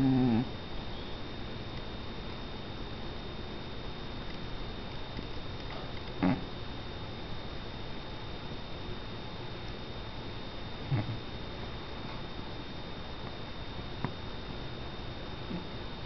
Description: My cat JC taking a nap.. and his nose or mouth must have been resting funny because his snore sounds like a fart.